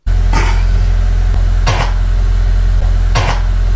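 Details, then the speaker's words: Caucasian Shepherd dog coughing during a veterinary exam; owners suspected something stuck in the throat. Three deep, harsh, paroxysmal coughs; heart, lungs and throat normal; diagnosed infectious tracheobronchitis (kennel cough). "Сначала мы думали пес не даст себя осмотреть но потом выход был найден что мы видим кашель приступообразный глубокий"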